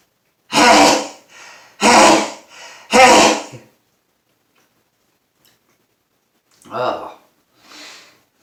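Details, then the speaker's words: Afternoon sneezing fit of about three minutes and 20 or more sneezes, leaving the person dizzy: three loud, forceful sneezes in quick succession with short trailing breaths, then two softer sneezes. "we're about three minutes of sneezing oh so loud and powerful gosh should just fade away now after 20 sneezes or probably more than that"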